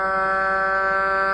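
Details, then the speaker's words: Oxygen tester's unit during live testing in a nursing home, with oxygen levels said to be dropping: steady mechanical hum of the unit's pump with constant tones. "what you hear in the background is that pump that's to that unit"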